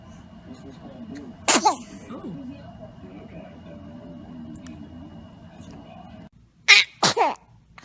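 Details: Small, sharp sneezes from an infant, one single then a quick double, with an adult's voice in the background; ordinary infant sneezing.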